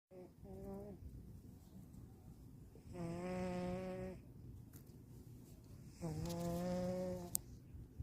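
A sleeping cat snores with a soft whistling, buzzing tone on each breath, about one breath every three seconds.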